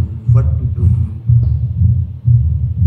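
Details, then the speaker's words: Pure mitral stenosis heard over the mitral area: extra opening snap after the second sound, then a low-pitched diastolic rumble in a three-part "what to do" cadence; the murmur is localized, with no radiation to the axilla or carotids. "They say the cadence of the murmur is like the heart is saying what to do what to do"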